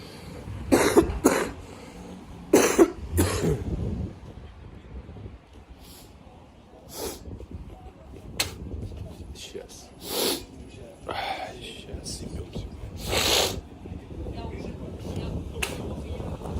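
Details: Several harsh coughs, throat clearing and snorting with phlegm clearing between quieter outdoor stretches, from a man walking home from a bar, described as snot, coughing and phlegm.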